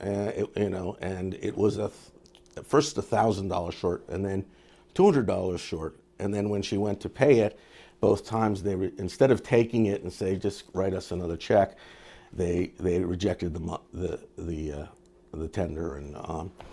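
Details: Adult male speaker; ordinary speech.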